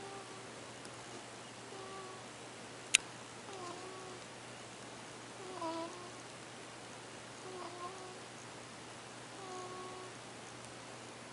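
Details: Tiny baby cat snoring; faint, high-pitched whistling squeaks about every two seconds with each breath over quiet room noise.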